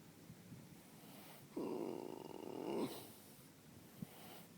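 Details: Resting horse tired after a morning natural horsemanship class: one long, rough, fluttering snore, with quieter breathing before and after; snoring.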